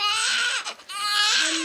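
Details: Newborn boy's first cries just after a home birth, the third child, a big baby feared to weigh over 10 pounds: a loud, high-pitched, vigorous cry in two bursts separated by a brief breath.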